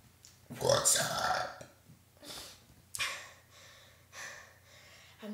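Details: Several loud, rough belches in a row with brief pauses between; voluntary burping.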